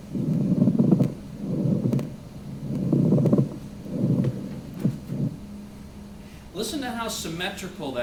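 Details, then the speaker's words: Pleural friction rub from inflamed pleural surfaces: dry, grating, creaking bursts repeating with each breath phase, like rhonchi but drier, likened to bending crackling old leather. "eristics that distinguishes it from rhonchi is it's dryer okay so it's gonna sound like rhonchi but it sounds like a dryer sound and in fact some people talk about it in terms of like crackling old leather"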